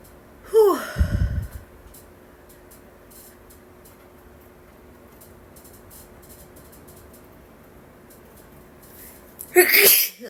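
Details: A woman's allergic sneezing: two forceful sneezes, one near the start and one at the end, with quiet room noise between.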